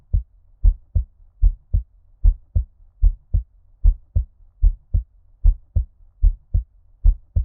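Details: Steady, muffled lub-dub pairs at about 76 beats a minute, deliberately dulled as if underwater (ear-cupping effect); normal heartbeat at a normal rate.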